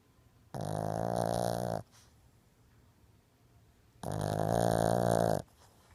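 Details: Sleeping Shih Tzu dog: two loud, drawn-out rattling snores, each lasting over a second, with quiet pauses between; snoring.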